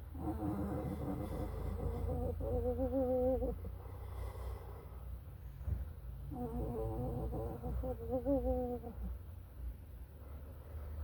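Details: Musical, wavering whistling tones ride on a female animal's breaths over a low rumbling background: wheezing.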